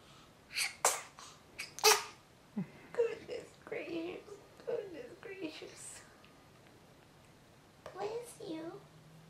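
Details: Newborn: two or three quick, sharp bursts of air in a row, then a child's babble and voices; small infant sneezes.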